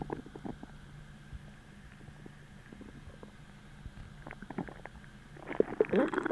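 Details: Stomach growling from hunger after a deep, achy, empty feeling, following bloating from a heavy dinner the night before; irregular gurgling, bubbling rumbles rising to a louder growl at the end.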